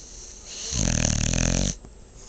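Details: Female dog snoring: one loud, rattling snore about a second long, building from soft breathing.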